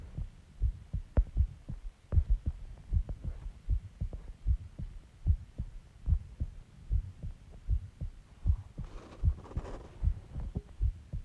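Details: Person's heartbeat recorded after stomach recording, about an hour after eating eggs, ice cream and Coke: steady, regular low thumps at about 77 beats a minute with a low hum underneath; normal heart rhythm.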